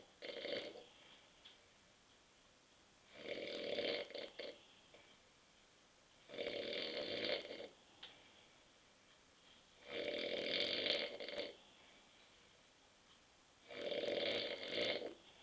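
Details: Adult husband asleep on a sofa at 9.30 p.m. after too many beers: five regular rough, fluttering inspiratory snores in about 15 seconds, roughly 18 a minute, with quiet between; snoring.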